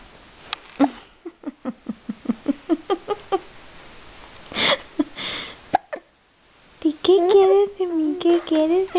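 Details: A baby has a run of about a dozen short, sharp, evenly spaced hiccups, then babbles and giggles.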